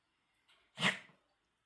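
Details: Dog, Coco, sneezing, a bout the owner calls a bad one and new: a single short, sharp burst of nasal air with a brief soft lead-in.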